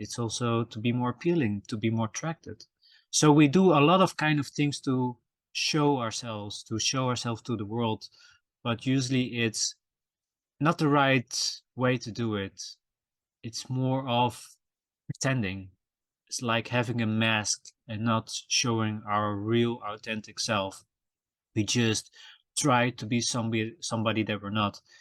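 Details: Adult male podcast host who says he stutters and that it can be heard in his episodes; stuttering.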